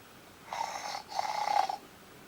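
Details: Incessant snoring keeping another sleeper awake: two rough, buzzing snoring breaths with a nasal tone over a quiet room.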